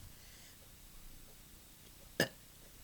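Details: Demonstration of esophageal speech technique used after total laryngectomy: tongue tip pressed to roof of mouth pushes air into esophagus, then expelled as the esophagus vibrates; esophageal speech air injection and release (glossopharyngeal press)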